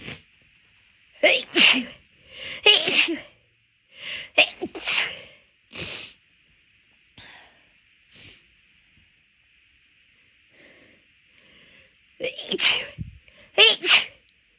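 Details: Rapid, big induced sneezes with nose already bothered, felt off midway through a walk: about a dozen forceful sneezes in quick bursts, some paired, brief quiet breathing between.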